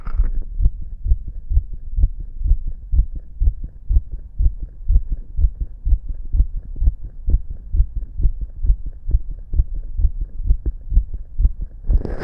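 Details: Adult's own visible heartbeat listened to: steady, regular low thumping with a soft hum underneath; normal heart sounds.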